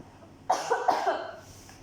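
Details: Adult gives a staged burst of about two to three quick coughs in a small quiet room during a laboratory demonstration of cough etiquette.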